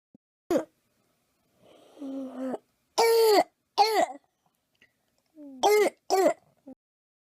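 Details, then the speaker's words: Croup in a child: short, harsh, seal-like barking coughs, the kind an emergency room clinician recognizes as pathognomonic of croup (viral laryngotracheitis). "But when I'm working a shift in the emergency room and I hear a kiddo with this barking cough coming down the hallway, I know right away it is croup. It is very pathognomonic when you hear it."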